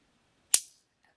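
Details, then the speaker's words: Acted ASMR chiropractor roleplay for TMJ, neck and shoulder pain: a spring-loaded adjusting instrument ("structural gun") fired first on one side and then the other gives a single sharp click. "so i'm going to start with a structural gun it's not a real gun but it just kind of pops the joint back into place so you'll hear a little clicking noise"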